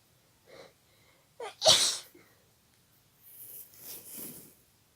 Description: My nose started tickling out of the blue and I got quite sneezy for a while, so I though I'll record it to you.